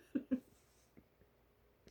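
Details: Involuntary vocal tic sound from an adult woman with Tourette syndrome with coprolalia.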